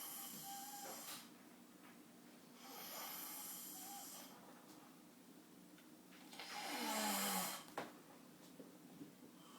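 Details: Man snoring while asleep sitting up in a chair after playing games all night: slow, rasping snores on each breath, about three per ten seconds, in a quiet room.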